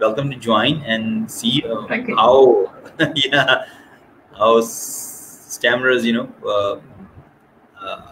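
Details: Adult woman who stutters (stammers) and serves as a trustee of a Scottish stammering support network; stuttering.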